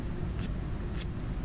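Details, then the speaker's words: Adult with mild Tourette's, worse when stressed, during a stream: two brief, sharp mouth clicks about half a second apart over low room hum, a vocal tic. "that's a that's a Tourette's tick of mine that's one of them that's one of the big ones um so that gets worse when I get stressed out like I am right now"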